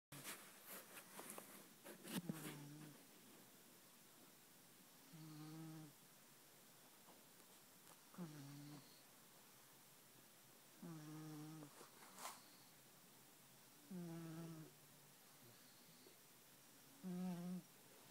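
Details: Kitten asleep cozy in bed: soft, short, buzzing snores about every three seconds, roughly 19 a minute, in a quiet room.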